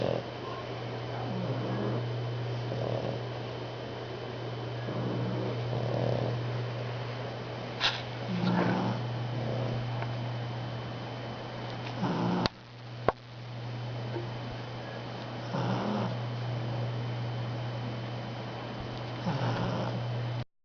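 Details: Max sleeping: soft rhythmic snoring, about 17 breaths a minute, over a steady low electrical hum.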